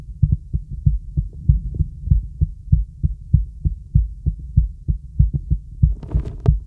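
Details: Steady paired lub-dub heartbeat at about 98 beats a minute, heard over a girl's heart through a real stethoscope (diaphragm or bell): normal heart sounds.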